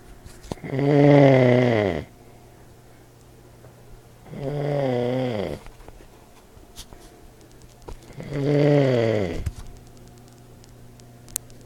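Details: Old man snoring in his sleep: three loud, buzzing, deep vibrating snores on inhalation with quiet gaps between, about 16 breaths a minute.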